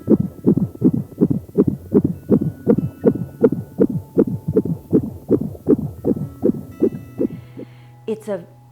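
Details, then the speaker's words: Rapid, regular whooshing fetal heartbeat on Doppler at about 160 beats a minute, fading out before a brief squeak; mother 19 weeks pregnant who cannot yet feel the baby's movements. "We can use a Doppler to hear your baby's heartbeat, much like the instrument your doctor uses on your antenatal visits to hear your baby's heartbeat in the office."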